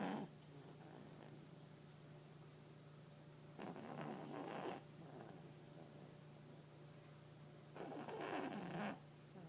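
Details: A chubby female papillon dog snores while asleep on the owner's lap, with two rough, rattling breaths about four seconds apart over a low room hum.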